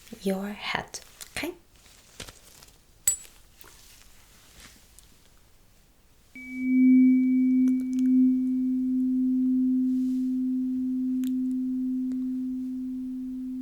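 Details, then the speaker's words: Simulated tuning fork hearing test in an ASMR doctor roleplay: soft taps, then a steady pure humming tone from a struck fork that slowly fades; the patient is asked whether it was heard and felt equally on both sides. "okay could you actually hear it and feel the vi the vibration I'm sorry on both sides like the same way in both sides so it was perfectly symmetric"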